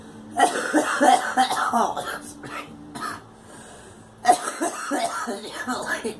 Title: Girl coughing